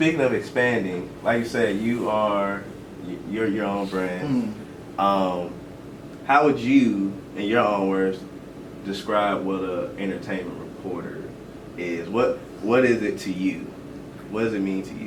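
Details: Adult male speaker; normal speech.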